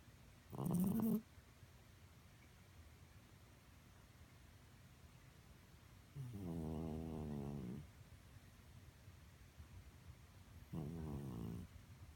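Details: A senior cat snores loudly in rough, buzzing bursts; lifelong habit, never congested, seems fine, and vet thinks she is okay; snoring.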